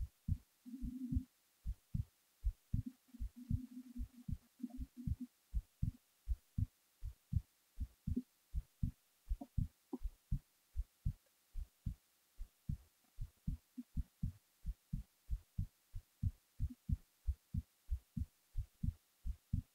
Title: hb while falling asleep